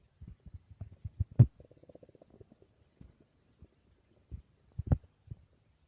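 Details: Person's stomach growling (borborygmi): low gurgling pops and a brief squeaky rumble with quiet gaps between.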